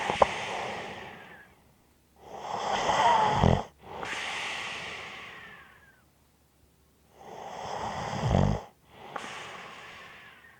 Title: Snoring Sounds ZZzzz with a light whistle